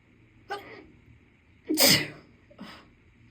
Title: Itchy Allergy Sneezes (f)